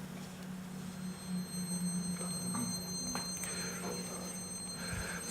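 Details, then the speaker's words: Simulated tinnitus played during a lecture, an example sound from YouTube: steady, piercing high-pitched tones ringing without a break, like the constant sound many people with tinnitus describe. "The example I have here is sort of characteristic in that many people describe hearing a high-pitched sound."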